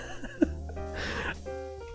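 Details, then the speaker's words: Single sudden, violent sneeze from a streamer mid-conversation, over steady background music; sneeze. "I meant to press the mute button but I think I pressed the [ __ ] button I'm sorry that was a very violent sneeze"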